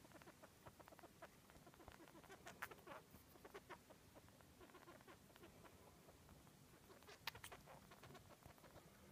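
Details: Pet mouse at the peak of a cold or respiratory infection, after laboured breathing and fluffed-up fur: frequent tiny clicks, sneezes and high chirps of noisy breathing.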